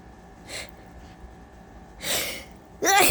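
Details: Sleep-deprived person before a nap, sneezing mostly uncovered: quiet room, a soft hissy burst, then two sharper explosive sneezes.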